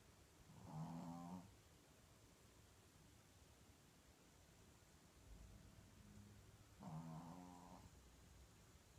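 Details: Two soft, low, buzzing snores about six seconds apart over quiet room noise; gentle snoring in sleep.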